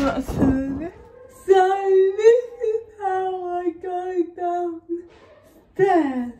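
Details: Dysarthric speech in a female vlogger with cerebral palsy, real everyday speech.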